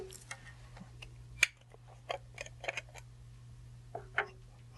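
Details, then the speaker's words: Flexhaler dry powder inhaler, with the patient demonstrating: a few sharp plastic clicks as the base is twisted, loading a dose. "then I load it this way, it clicked."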